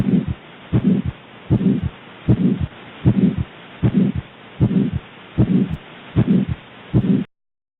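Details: Regular heartbeat near 77 per minute with a harsh, swelling murmur filling the gap between beats; aortic stenosis murmur.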